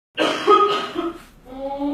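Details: Staged comedy skit: a short, voiced, gravelly throat clearing, rough at first and then fading into a softer hum; throat clearing.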